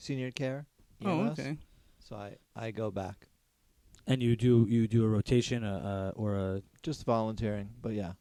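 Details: Aphasia in an adult man, a former paramedic, after a stroke during surgery about eight and a half years earlier. For about a year he could say only one word. He has ongoing speech therapy and has word-finding difficulty.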